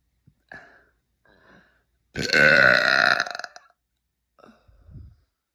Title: i am the real. #burp #belching #girlburp.